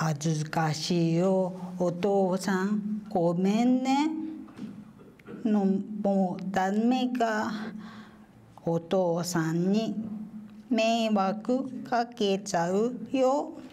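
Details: Woman with aphasia following a cerebral infarction 13 years earlier, reading aloud a text she wrote herself; aphasia.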